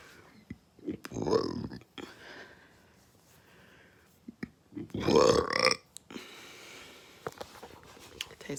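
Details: Two loud, drawn-out, forceful burps with quieter noise and brief sounds between them; belching attributed to eating fast food.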